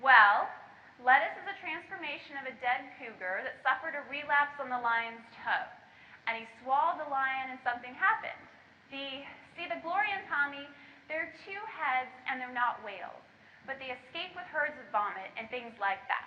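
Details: Lecturer reading aloud a real schizophrenia patient's interview transcript, not the patient's own voice; grammatical but senseless speech; disorganized speech (word salad) in schizophrenia.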